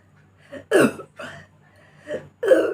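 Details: Four short, abrupt vocal bursts at irregular intervals over under three seconds, with faint background hum, recorded during a hiccup/burp challenge presented as natural hiccups. Hiccups, or possibly forced hiccup-like burps.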